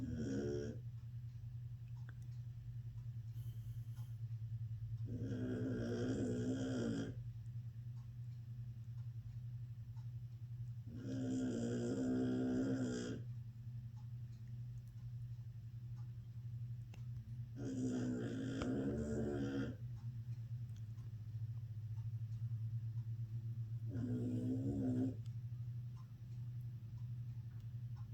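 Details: A Shar Pei resting after surgery snores in loud, rumbling bursts about every six seconds over a steady low hum: snoring.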